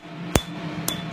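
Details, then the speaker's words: ATV laser tattoo removal on a woman's second treatment, skin numbed first: two sharp snapping clicks over steady machine hum as laser light strikes and breaks up tattoo pigment. "so what you're hearing that snap is the light hitting that pigment"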